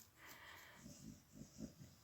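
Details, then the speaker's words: Three dogs lying in a lounge snoring in turn, low fluttering snorts repeating in quick pulses over quiet room hiss: snoring. "That is my dog snoring in the background. I don't know if you guys can hear that, but my 3 dogs are busy laying here in the lounge, snoring away."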